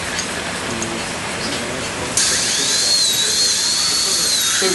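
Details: Faint room noise, then a sudden high-pitched whine of a dental drill with wavering tone as the bur reduces a KOS implant in the patient's mouth after flapless placement, to gain enough bite clearance.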